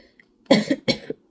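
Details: Two short, sharp dry coughs in quick succession in a quiet room, from a speaker during a spoken tarot reading who asks to excuse the coughing.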